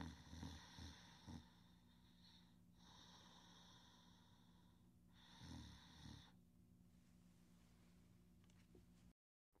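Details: Sleeping individual who sometimes snores softly and otherwise breathes softly and deeply in sleep; slow, loud snoring breaths with a buzzy, whistling tone on each breath; snoring.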